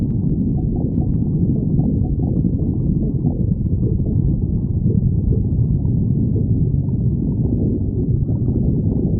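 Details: Continuous low rumbling and gurgling with shifting, wavering tones, steady throughout; stomach growling (borborygmi).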